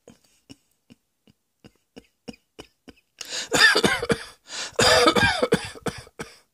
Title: Cross Dressing Coughing 82